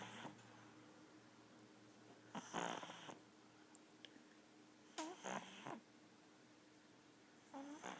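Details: Pug dog snoring in sleep: soft snorting, rattling breaths at irregular intervals with some squeaky whistling notes, in a quiet room.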